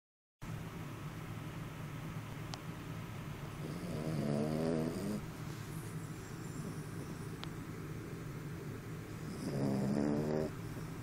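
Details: Snoring during sleep: two loud rasping snores about six seconds apart over steady low background hum.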